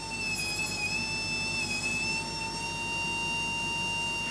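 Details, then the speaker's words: Caspar surgical robot's burr drilling a bone model with tenth-of-a-millimetre precision: steady high-pitched motor whine. "voici la fraise de caspar en pleine action sur une maquette dos caspar peut forer un trou avec une précision d'un dixième de millimètre"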